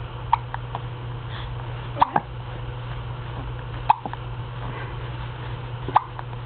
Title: Hiccups Perfected